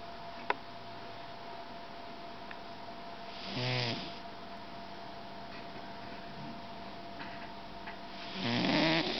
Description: My cat "nim nim" having a snooze on the back of the couch snoring away